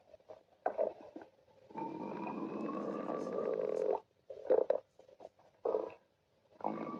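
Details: Gurgling, bubbling rumbles with a long sustained groaning growl and several shorter bursts between quiet gaps: ordinary stomach growling (borborygmi).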